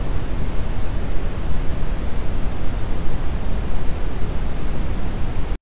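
Steady, deep rumbling hiss with almost all energy in the low range, cutting off abruptly at the end: red noise used by a hearing aid for tinnitus masking.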